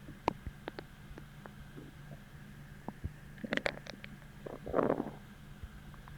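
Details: Stomach growling from hunger after a deep, achy, empty feeling, following bloating from a heavy dinner the night before; quiet gurgles and squeaks with a longer bubbling rumble near the end.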